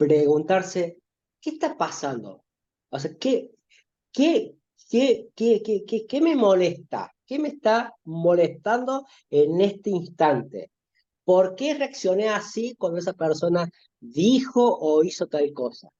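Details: Spanish-speaking adult male who stutters, with difficulty talking to friends and parents since childhood, in spontaneous conversation. Finding: stuttering.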